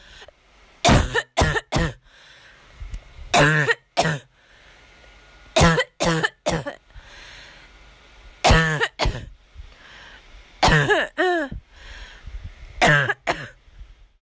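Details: Hacking cough from a patient whose cough had worsened: repeated harsh hacking coughs in quick clusters of two or three, with brief breaths between bouts.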